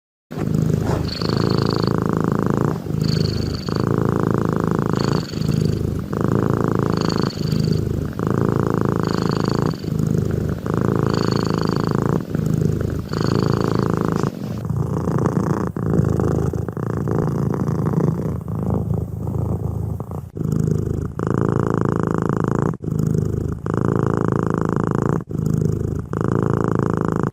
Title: Snoring Cat Sound #shorts #cat #cats